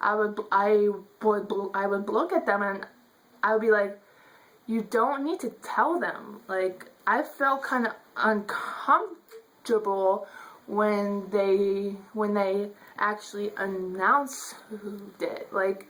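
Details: Adult woman who states she stutters; stuttering.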